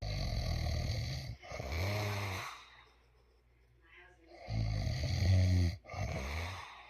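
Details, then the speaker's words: Adult man who claims he doesn't snore, recorded asleep by his sleep-deprived partner: very loud, deep rattling snores in long bursts with quiet gaps between breaths, getting louder; heavy habitual snoring. "ah okay folks papa bear so he doesn't slower he snores very loud and actually it gets even louder"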